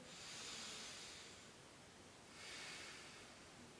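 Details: Stethoscope lung auscultation demonstrated by a nursing student, patient breathing in deeply: soft rustling airflow swells on inhalation, fades on exhalation, then rises again; normal vesicular breath sounds.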